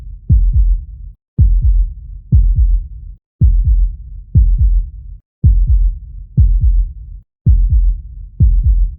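Steady, regular lub-dub heartbeat at about 60 beats a minute over a low hum.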